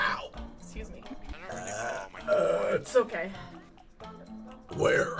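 A few voiced burps mixed with talk and background music; belching.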